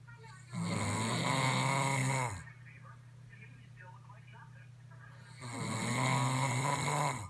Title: Loud Snoring!!!